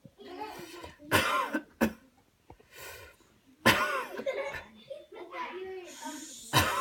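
Several deliberate, forceful coughs separated by pauses and brief voiced sounds; an intentional coughing exercise rather than an illness cough.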